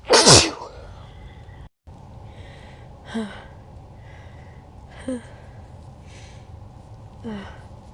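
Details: Sneezes replayed from Lion King cartoon characters and a person's own three sneezes: one loud, sharp sneeze, then three softer, shorter sneezes over quiet room noise; just for fun.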